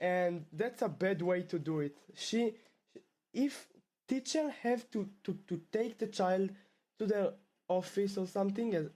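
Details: Stuttering in a male 12th-grade high school student from Israel who has stuttered since about age two; his stutter returned after two years of fluency.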